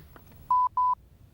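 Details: Lifepak CR Plus AED opened during a routine inspection demonstration: two steady, clear electronic beeps in a quiet room as the device powers on, confirming the speaker works.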